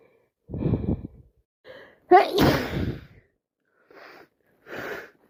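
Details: Person with a common cold sneezing repeatedly: several sharp sneezes with quick inward breaths between them; sneezing.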